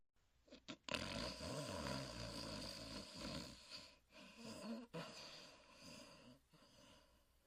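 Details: Huckleberry, a sleeping hound, gives loud, rough, rumbling breaths with a fluttering low rattle and brief pauses between them: snoring.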